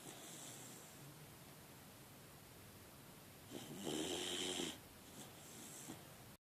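One soft, raspy snore over quiet room noise from a sleeping puppy; ordinary snoring.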